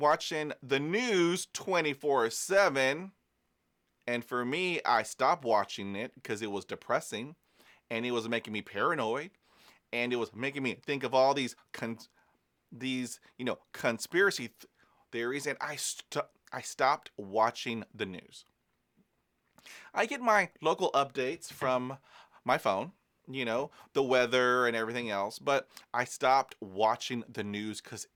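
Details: Adult man who is a person who stutters, speaking about stuttering and self-care; stuttering.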